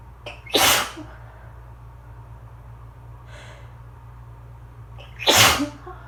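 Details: Allergy sneezing fit after a long, drawn-out build-up that left the person lightheaded: two forceful sneezes about five seconds apart, each preceded by a sharp intake, over quiet room hum; sneezing.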